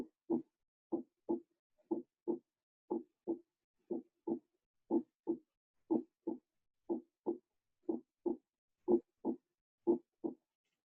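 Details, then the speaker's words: Normal heart sounds played in a cardiovascular physiology class: regular paired lub-dub beats at about 60 per minute, with clear first and second sounds and quiet pauses. "Así se escucha, chicos, el corazón en condiciones normales."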